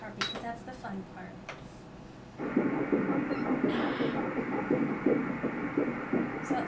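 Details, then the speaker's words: Fetal heartbeat at an 8-week ultrasound, embryo measuring 1.54 cm, consistent with 7 weeks 6 days: rapid rhythmic whooshing pulses at about 165 a minute after brief talk. "once you hear the heartbeat you know that your chances of pregnancy loss are dramatically reduced so that's good"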